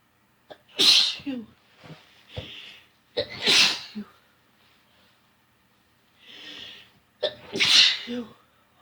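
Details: Three loud sneezes in a row, each with a sharp intake and forceful burst and quiet breathing between, in a sneeze-request video where the person tries to induce sneezing.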